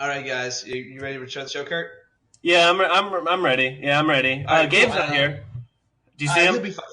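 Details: Adult male speaker, with a second voice asking; speech of a person with cerebral palsy.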